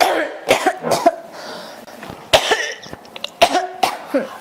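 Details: About five sharp, dry coughs in quick bouts with throat clearing between, in a person who says their throat feels scratchy and irritated today and that they cannot stop coughing; persistent cough.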